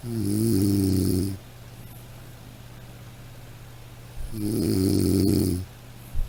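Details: Sound-effect recording of snoring: two loud, buzzing snores about four seconds apart, with quiet breathing noise between them.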